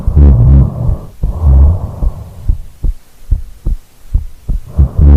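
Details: Heartbeat recorded while asleep after rolling over: regular soft thumps beneath loud, rumbling snoring breaths, too few beats to give a rate; normal heartbeat with snoring.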